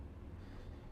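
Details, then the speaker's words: Imitated pansystolic murmur, drawn with a stethoscope held in the palm tracing a flat line: steady, even, low rubbing whoosh of constant loudness, as in mitral or aortic valve regurgitation. "ये sound मिलती है हमें pan systolic मम्मर्स like एोटिक valve regurgitation. मिटल valve regurgitation में।"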